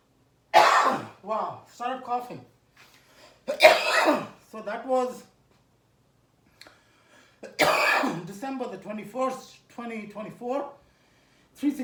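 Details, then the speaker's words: Cough from a 64-year-old, 110 kg lifter around a beltless, wrapless squat to 365 lb with a 55 lb Texas squat bar. "I don't know why I started squ uh coughing but that's the 55 lb Texas Squad bar"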